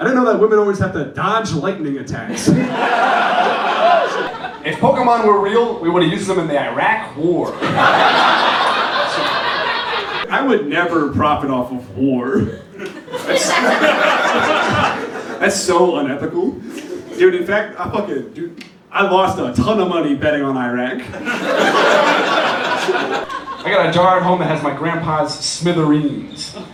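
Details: Adult male stand-up comedian with self-reported Tourette syndrome; real vocal tics with coprolalia, censored, interrupt his stand-up set.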